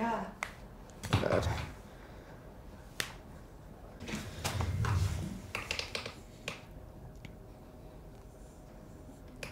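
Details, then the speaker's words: A chiropractor adjusts a patient's wrists and calls them crunchy: several sharp clicks and pops over quiet room noise and brief voices; wrist joint cavitation. "okay I have you scooted up again and let's take a look at those wrists okay oh wow yeah crunchy huh"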